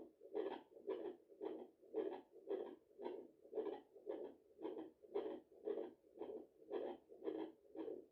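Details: Regular whooshing pulses at about 113 a minute on a home fetal Doppler picking up the mother's own heartbeat at 34 weeks of pregnancy, after a large meal: fast maternal heartbeat.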